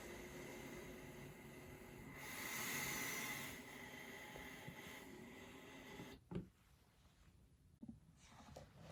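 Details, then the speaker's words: Travel CPAP machine running, recorded with a sensitive microphone held right up to the machine: steady airy hiss and fan roar swelling briefly, then a click and quieter stretch. "I'm going to put it right up to the machine, record a little bit of the noise from each machine, so you can get a bit of a profile on the noise the different machines make."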